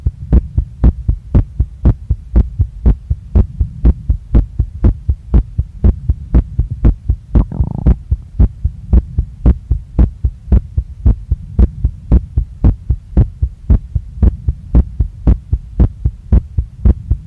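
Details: Woman's own heartbeat recorded after a workout: a fast, strong, regular thumping beat at about 115 a minute that won't calm down, felt in her chest, neck, face and stomach, with the chest visibly moving with each beat.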